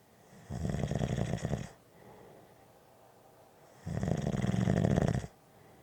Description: Tuesdays are short Snoring days. Just a short snoring audio clip!